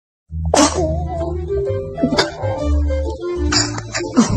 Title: Babies Sneezing Compilation